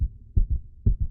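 Low, rapid paired heart sounds, roughly 120 beats a minute, in a brief heart recording from tachy-brady syndrome.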